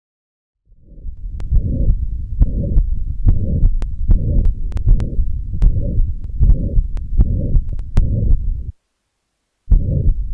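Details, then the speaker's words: Mitral regurgitation, heard with the diaphragm, best at the apex radiating to the axilla: heartbeat about 75 a minute with a long blowing pansystolic murmur filling each systole. "sometimes this pencilic murmur can be heard all over the precodium but it is best heard at the apex and radiates to axilla which is an important feature that you have to learn by auscultating several patients"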